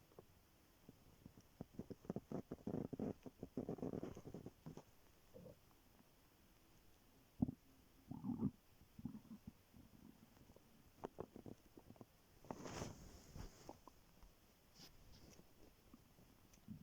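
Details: Stomach growling (borborygmi) for 12 minutes 43 seconds in the morning after waking, very hungry before breakfast: soft, intermittent gurgles and rumbles with quiet stretches between and faint room hiss.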